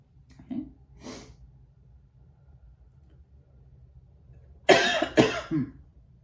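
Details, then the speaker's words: A cluster of three harsh coughs in a quiet room after two soft sounds, from an adult woman who says she is only a little congested and does not feel sick. "but it it starts building up and then I cough and I sound like I'm about to die and I promise you I'm not about to die I'm fine but I'm sorry that you've had to listen to my coughing"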